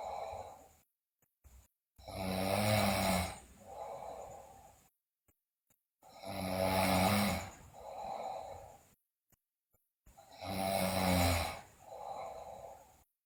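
Loud, rough snores on each breath in, about 15 a minute, with a softer noisy breath out after each one.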